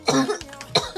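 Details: Two short, sharp coughs from an adult woman who says her throat is in very bad shape and sore, during a live stream, in a quiet room; cough.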